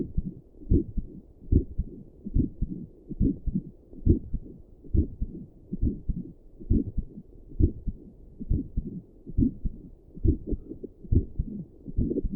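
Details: Own resting heartbeat recorded with doppler and stethoscope while sitting at a desk, with a visible neck pulse: steady, soft low thumps at about 69 beats a minute, a normal heartbeat.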